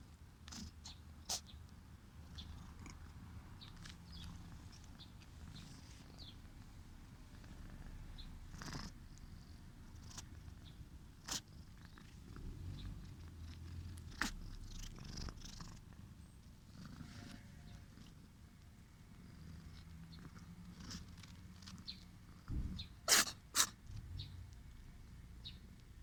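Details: Cat with a chronic nasal cold purring and rumbling, with wet, snuffly nasal breathing broken by sharp sneezes and sniffles: nasal congestion with sneezing.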